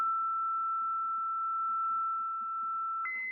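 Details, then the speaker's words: Defibrillator charging during simulated synchronized cardioversion of ventricular tachycardia from an EKG rhythm generator in a training scenario: a steady high-pitched tone shifts upward to a new steady ready-to-shock tone. "so students will synchronize right they will charge"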